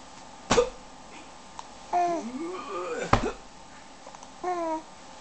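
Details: Young child with hiccups and laughing: two sharp, abrupt hiccup bursts about two and a half seconds apart, with soft babbling between them in a quiet room.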